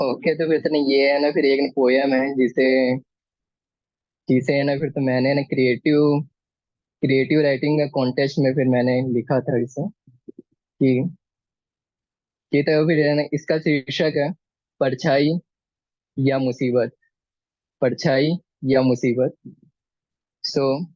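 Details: Male poet introducing himself at a stammering association's poetry event, with word and phrase repetitions; stammering.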